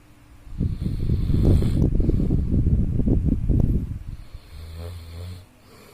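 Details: A person snoring: a loud, rough, rattling snore on the breath in, followed by a quieter breath out.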